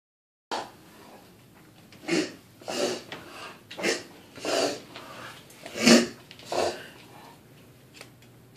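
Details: A dog gives about six harsh, dry hacking coughs in quick pairs; kennel cough.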